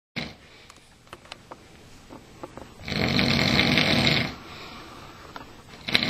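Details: Adult man (a dad) asleep on a couch: one loud, rough, rattling snore on an in-breath between quieter breaths, with faint room noise; ordinary snoring.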